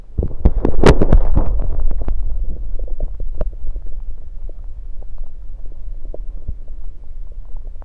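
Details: Stethoscope placed at different spots around the belly: low gurgling and crackling rumbles with scattered clicks, loudest at first; active bowel sounds.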